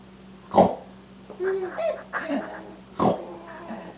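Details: Grandfather snoring, recorded on a Sony Bloggie: two loud snorting snores with his 3-month-old grandson's squealing coos and laughs in between; snoring.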